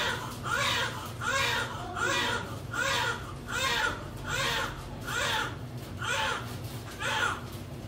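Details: Steady, strong, regular crying, about ten cries in eight seconds, from a newborn baby girl just after a normal spontaneous delivery; normal healthy newborn cry.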